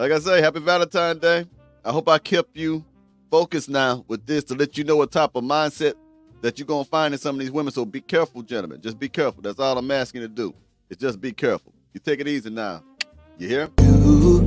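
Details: Adult man speaking; ordinary speech.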